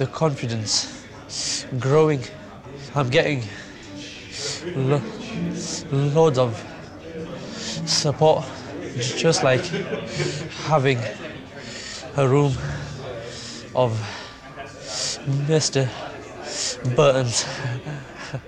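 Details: Severe overt stammer (stuttering) in a 17-year-old male, present since an asthma attack at age four; described by his coach as one of the most severe overt stammers encountered; attending an intensive four-day course.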